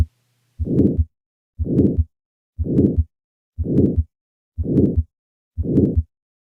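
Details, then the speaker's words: Crescendo-decrescendo systolic murmur of aortic stenosis: regular heartbeat at about 60 a minute with a harsh murmur swelling then fading between the heart sounds. "thus we have the crescendo decrescendo shape which is a term borrowed from music in which a sound gradually increases in volume and then decreases in volume here's an example of such a crescendo decrescendo murmur of aortic"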